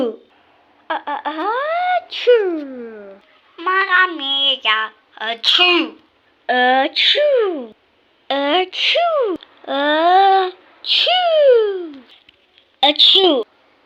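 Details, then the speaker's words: Sneezing bout: a rapid run of loud, high-pitched, voiced 'achoo' sneezes, each a sharp burst. "Он просто хотел не слышать, как я чихаю."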